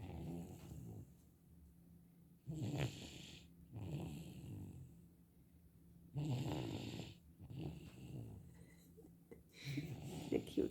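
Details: Young child who has just fallen asleep, snoring: rough, low breathing noises with each breath, about 16 a minute, with some quiet room noise.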